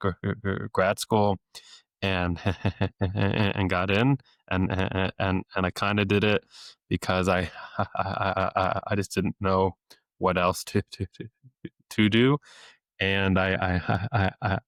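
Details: Adult male speech-language pathologist who has stuttered since age eight, with therapy off and on into his early twenties, deliberately lets his stutter show; stuttering with sound, word and phrase repetitions.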